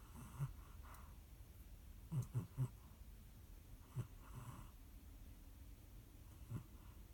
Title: Кошка храпит и дрыгается